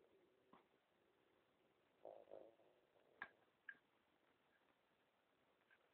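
Soft gurgling bursts and a few brief squeaks and clicks from an adult's rumbling stomach.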